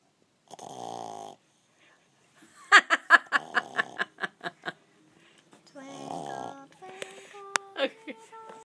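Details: French bulldog snoring: snorting, rattling snores in quick bursts with noisy, harsh breathing between them.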